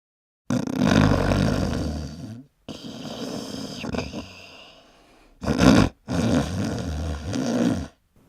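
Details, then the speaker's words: Adult man who has snored for years, since his Navy days, described as sounding like a freight train; loud, rough, rattling snores in long bursts separated by short silent pauses: snoring. "I snore. When they talk about it sounds like a freight train, it sounds like a freight train."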